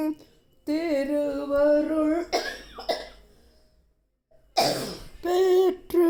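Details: An adult's sustained chanted recitation of a Thiruppavai verse breaks off into a few harsh, noisy cough bursts, then a brief voiced throaty sound: ordinary cough.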